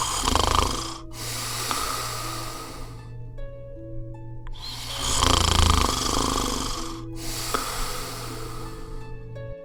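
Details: Sleeping adult gives loud, rough, rattling snores with each breath, presented as a possible warning sign of sleep apnea; snoring.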